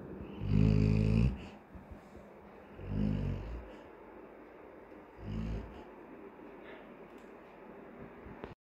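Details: Sleeping adult Labrador, three loud, low, rattling snores about two seconds apart with quiet room noise between; snoring.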